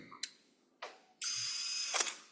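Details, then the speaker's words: Spine surgery demonstration at a residents' course: brief clicks, then a sustained high-pitched whine as an empty wire driver withdraws stabilization pins and the drill bit before a bone-grafted implant is placed; surgical drill. "now we're going to take a wire driver that's empty so I can pull out my stabilization pins I'm going to take one pin back here and then the whole drill bit back"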